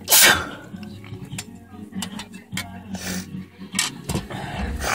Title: Sneezing on a picture frame MUST WATCH.